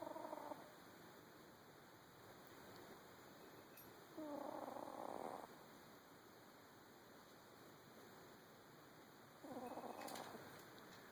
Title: A video of my cat snoring... just because.